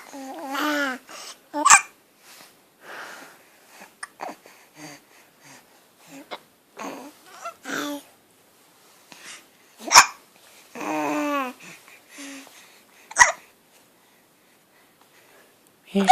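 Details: Baby babbling and cooing while trying to talk, broken by several short, sharp catches: infant hiccups.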